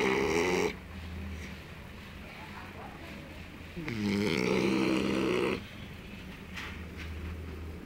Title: My dog snoring